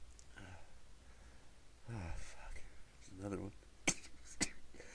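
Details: Repeated sneezing, with attempts to stifle that didn't work: breathy intakes, then several sneezes, some muffled and held back, two sharp and sudden. The person says they can't stop and the sneezes keep coming.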